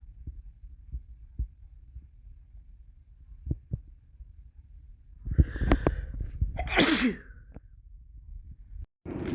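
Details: Adult sick with a cold, many sneezes self-induced; soft taps and a gasping build-up, then a forceful sneeze with a voiced ending.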